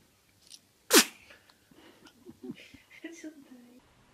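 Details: Infant girl sneezing: a single sharp baby sneeze followed by soft baby vocal sounds; an ordinary, normal infant sneeze.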